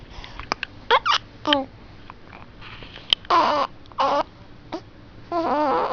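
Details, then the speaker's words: Infant cooing and grunting, with brief sharp catch sounds in between. Infant hiccups. "You have the hiccups?"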